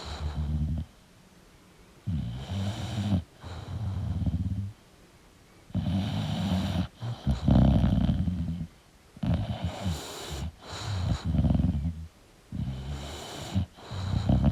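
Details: Sleeping English Bulldog snoring: loud, rough, rattling snores with each breath in and out, with short quiet pauses between.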